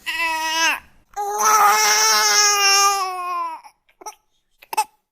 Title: BABY CRYING SFX - SOUND EFFECT - NEW BORN CRYING